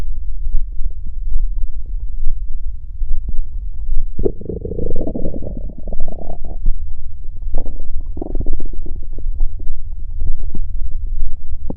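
Low rumbling and gurgling with a few longer, louder growls: ordinary stomach growling, a normal sound of gut activity.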